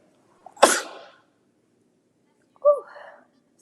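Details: Celebrity clip: one sharp, explosive sneeze, then a brief quiet voiced sound a couple of seconds later; an ordinary sneeze.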